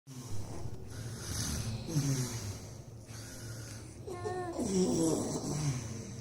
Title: Snoring mother makes baby laugh😂/खर्राटे लेने वाली मां बच्चे को हंसाती है